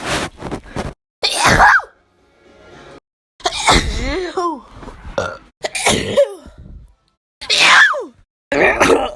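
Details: Compilation of sneezes: several sharp, explosive bursts with voiced, pitched tails separated by pauses, fitting a series of sneezes from different people.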